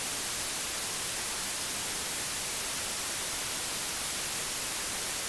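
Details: Steady, even hiss of white noise, one of three Multiflex tinnitus masking sounds in Starkey Genesis AI hearing aids, used to mask tinnitus.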